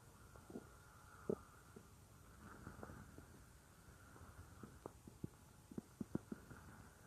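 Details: A woman's stomach gives soft gurgles and low rumbles over a steady room hum; ordinary stomach growling.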